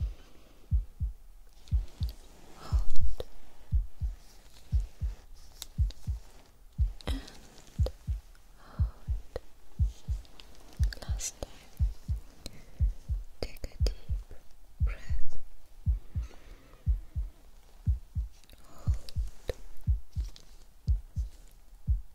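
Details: Steady, regular low thumps at about 75 a minute through a stethoscope, with faint room noise, during a simulated ASMR doctor check-up roleplay while the patient is told to take deep breaths; normal heart sounds.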